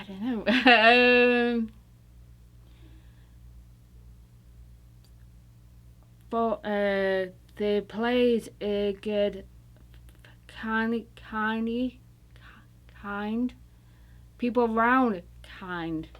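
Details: Woman recovering from stroke, in an intensive aphasia treatment program; non-fluent, agrammatic speech; Broca's aphasia with apraxia of speech.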